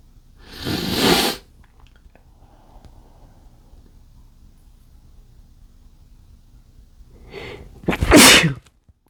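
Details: Two forceful sneezes several seconds apart, with a quiet breathy lead-in before the second, from a male trying to stifle sneezes triggered by chikni powder; sneezing from nasal irritation.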